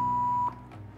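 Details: Steady high-pitched AED tone stops abruptly, leaving low room hum, as a shock is delivered after the AED voice says "shock advised, press flashing button", followed by "start CPR"; AED with CPR depth feedback, training demonstration.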